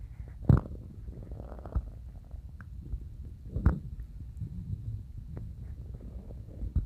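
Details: Stomach growling (borborygmi) that woke the person from sleep: low rumbling, gurgling sounds with a few louder bubbling pops.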